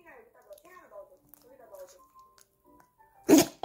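Brief speech is followed by a single sharp, explosive sneeze from a puppy with a cold.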